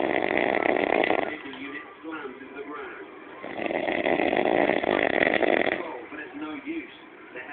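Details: Adult man snoring after passing out around 6 am while waiting for pizza: loud, rough, rattling snores in long bursts, with quieter breaths between; heavy snoring.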